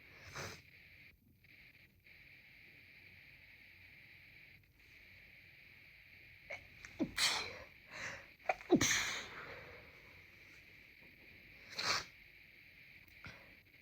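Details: Sneezing: a few wet, congested sneezes with sniffing and a nose blow in a quiet room, triggered after moving from a colder room to a warmer one.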